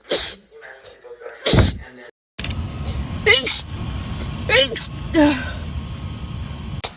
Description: Short compilation of rapid sneezes